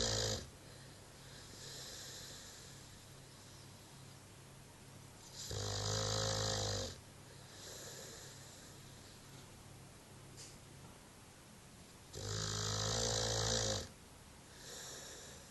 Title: Snoring american bulldog Jackson